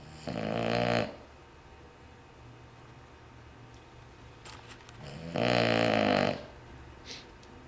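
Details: Sleeping dog snoring: two loud, buzzing snores, each about a second long and about four seconds apart.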